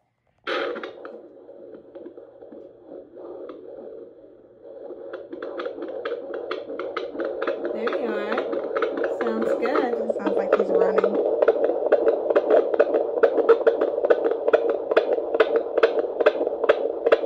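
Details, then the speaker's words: Fetal heartbeat on Doppler in a 36-week pregnancy, baby boy a little over 5 pounds: rapid, regular whooshing at about 140 beats a minute, a normal rate. "I do want to include some cute footage of my what do you call it, when they were listening to the baby's heartbeat, the Doppler."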